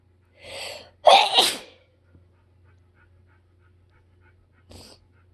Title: harsh sneeze fit from mowed grass